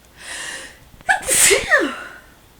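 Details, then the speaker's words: A quick breath in, then one forceful, explosive sneeze trailing into a voiced exhale; a woman sneezing, as she says she does every morning on waking; a single ordinary sneeze. "every single morning as soon as I wake up sneezing."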